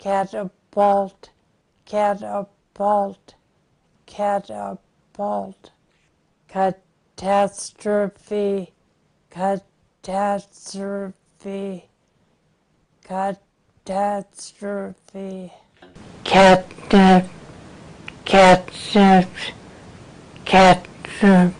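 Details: Apraxia of speech in an 80-year-old woman, recorded two years after an earlier recording, with progressive disease; even shortened syllables now problematic, with variable syllable segmentation on multisyllabic words.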